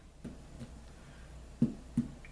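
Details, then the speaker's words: Abdominal assessment skill demonstration: finger percussion over the abdominal quadrants gives several short, hollow percussion notes, tympany over air-filled bowel. "so you listen for different sounds listen this is hollow underneath"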